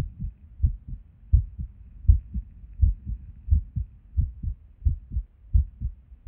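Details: Resting heart sounds through a stethoscope at Erb's point while sitting at a desk, often skippy: muffled beats with uneven spacing, an irregular heartbeat with skipped beats.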